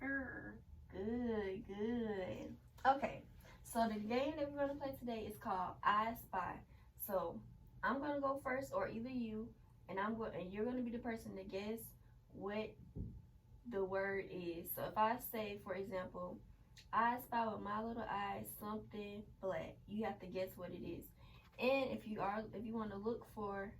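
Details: Adult female speaker; normal speech.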